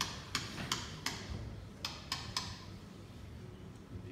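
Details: Live tibial tubercle medialization surgery: seven sharp, irregular taps over a faint room hum as a mallet strikes a chisel to cut bone in the tibial tubercle osteotomy.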